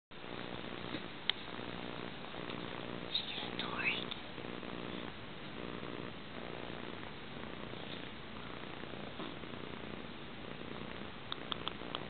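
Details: A two-week-old animal snoring: soft, rapid rhythmic rumbling breaths with a purring quality, a light snore.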